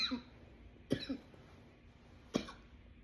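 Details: Three sharp, harsh cough bursts in quick succession from an adult; part of a runaway coughing attack.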